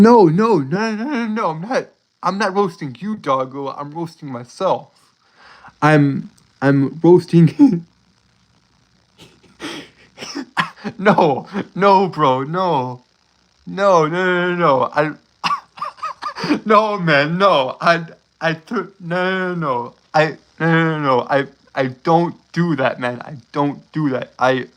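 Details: Adult male streamer who says he has a speech impediment causing him to stutter and trip over his words; sound and word repetitions; stuttering.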